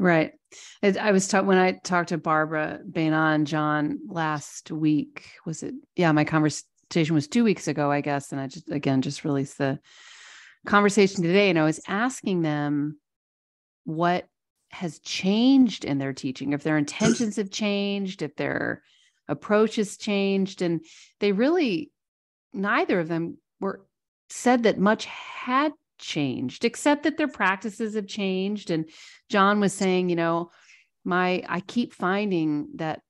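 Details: Adult male speaker; normal conversational speech.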